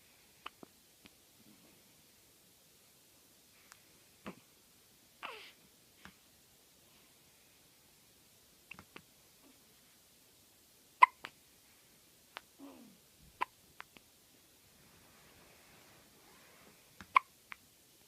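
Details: Newborn baby with hiccups: soft, sharp little clicks at irregular intervals, about 10 a minute, in a quiet room.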